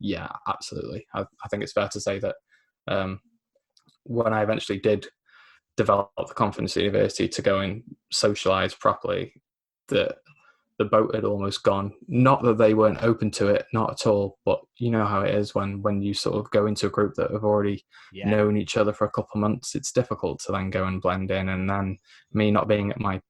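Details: Man aged 24 with a lifelong stammer (dysphemia), mainly blocking, self-described recovering stammerer after the McGuire programme at 15; stuttering (stammer)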